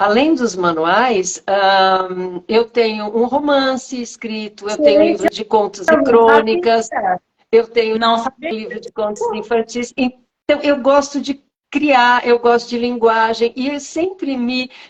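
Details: Adult woman speaking Portuguese; normal speech.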